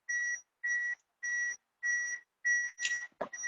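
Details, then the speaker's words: Basic life support training demonstration with an automated external defibrillator: after the shock is delivered, steady electronic beeps at about 100 a minute prompt rescue breaths and resumption of CPR; AED prompt beeps. "The shock is delivered. So it prompts to resume CPR. So we continue CPR again."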